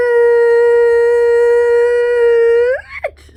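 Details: Adult woman with Tourette syndrome whose tics flare when she records herself; a loud vocal tic outburst in the middle of a tic run, followed by an apology.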